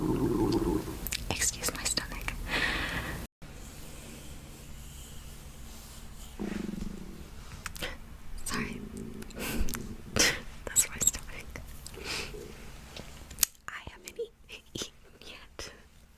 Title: Stomach growling